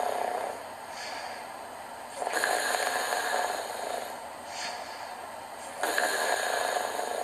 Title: snoring loudly 9-8-14 #BB16